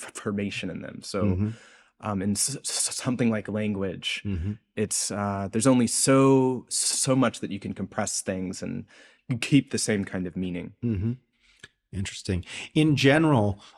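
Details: Adult male postdoctoral researcher, self-reported speech impediment audible throughout an interview; speech disfluency (stuttering-like).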